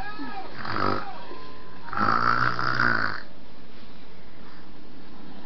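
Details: Sleeping person: two low, rattling snores about a second apart, with steady background hum; snoring.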